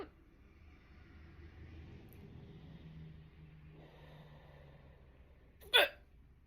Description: More of my first hiccup video. Stomach view. They were strong and fast.